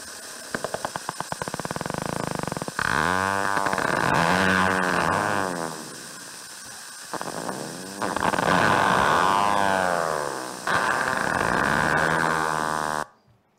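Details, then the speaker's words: Needle EMG myotonic discharge: repeated bursts of high buzzing whine waxing and waning in frequency, duration and amplitude, likened to a dive bomber sound. "This was sound, and so they wax and wane in frequency, duration, and amplitude, whatever. So the waxing and waning sound."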